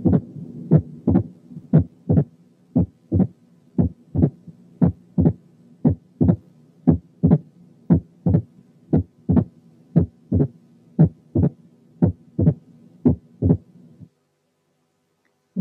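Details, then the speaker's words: Opening snap: sharp, knocking, snappy extra sound after the second heart sound, spaced wider than a split S2 but closer than an S3; regular heartbeat near 58 per minute. "في لها كاركترستيك تانية، وهي إن السناب اسم على مسمى، يعني سنابي يعني بالطرقة. نسمع بقى opening snap."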